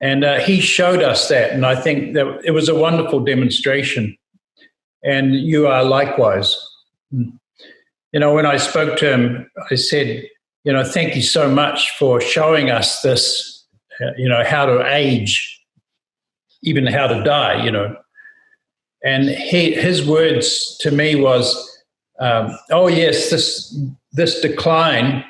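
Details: Adult male speaker; ordinary speech.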